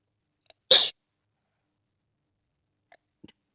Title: Sneeze fit